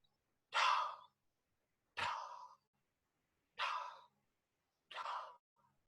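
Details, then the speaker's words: Vocal imitation of the early diastolic murmur of aortic regurgitation, heard best along the sash from aortic area to lower left sternal edge with patient sitting forward in held expiration: four soft, breathy, fading whooshes. "So it's heard best in this sash area. It is a it is a early diastolic murmur."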